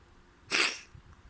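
One sudden, loud, hissing burst of air, typical of a single sneeze.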